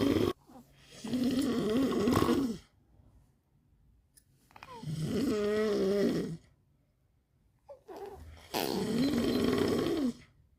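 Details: A child copying his father's snoring: three long, rattling, voiced snore-like breaths with pauses between them; imitated snoring, not true sleep snoring.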